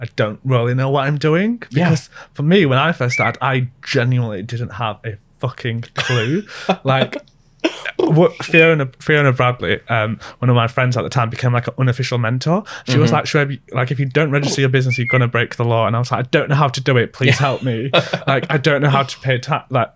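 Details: Adult speaker; normal conversational speech.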